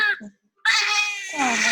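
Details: Baby being evaluated for stridor: strained, high-pitched infant cry in bursts with a short pause during an endoscopic airway exam, which showed edema, hyperemia and a narrowed subglottis.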